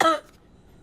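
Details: A single short, sharp cough burst that fades quickly into quiet room noise; cough.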